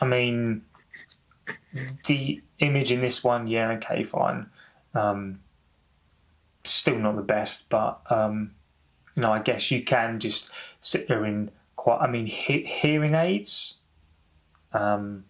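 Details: Stuttering (stammering) in an adult man who says he has stammered for over 30 years, heard in spontaneous English speech.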